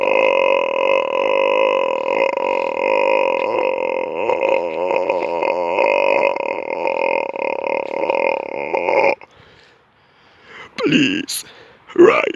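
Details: Person with a voice problem who says they cannot speak, only burp, on an evening walk: one very long, steady, rumbling burp of about nine seconds, then brief breaths and voice; prolonged belching.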